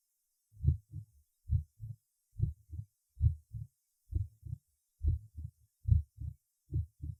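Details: Loud, shortened, snapping first heart sound at the apex in a patient with mitral stenosis: regular heartbeat near 70 a minute with a sharp first sound.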